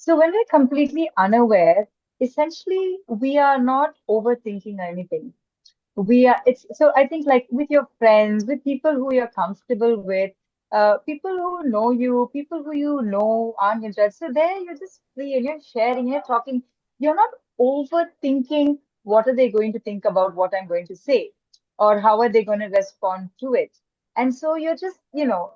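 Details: Adult woman speaking; typical speech.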